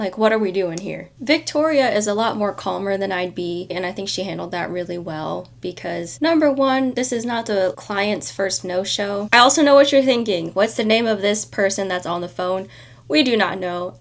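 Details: Adult woman; typical speech.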